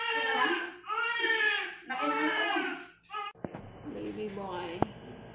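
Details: Newborn baby boy, 3.22 kg, just after natural birth: loud crying in long bursts, then quieter room sound with faint music; normal vigorous newborn cry.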